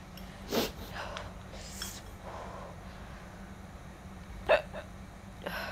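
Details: Girl eating spicy food gives two short, sharp hiccups about four seconds apart, with soft eating and breathing noises between; hiccups.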